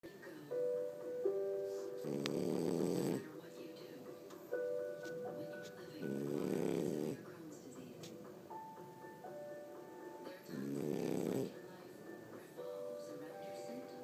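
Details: Three loud, rasping snores about every four seconds, roughly 14 per minute, over background music; two sleepers snoring while lying on the recorder.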